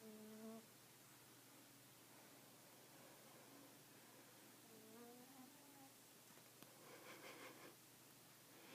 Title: My cat (Ms.kitty) snores loudly and sounds like a bee!